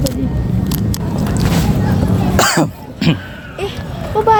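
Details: Simulated cough: two short, harsh cough bursts from an adult actor playing a tuberculosis patient not wearing a mask, in a social experiment, with brief speech over traffic-like background rumble.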